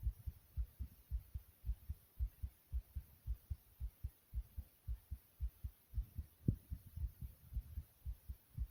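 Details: The recorder's own fast heartbeat: regular, quick, low thumping at about 110 beats a minute, with faint background hiss.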